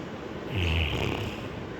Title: #snoring dog video_cute dogs#